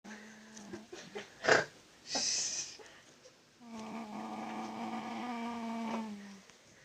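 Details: Sleeping adult woman (Emi) snoring, described as not a normal snore: loud, drawn-out tonal rumble with shorter snorts and noisy breath.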